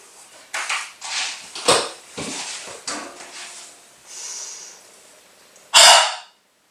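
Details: Respiratory physiotherapy chest clearance demonstration: several short, breathy exhalations, then a sharp, forceful open-mouth huff. This forced expiration technique moves phlegm to the back of the throat.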